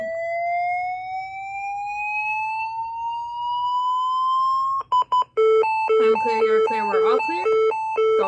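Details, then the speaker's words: LifePak 15 defibrillator charging to 300 joules for second shock in pulseless ventricular fibrillation during CPR training demonstration: steadily rising electronic whine, then repeated ready beeps and tones; faint talk. "so all you have to do again is go ahead and hit charge he was gonna charge up to 300"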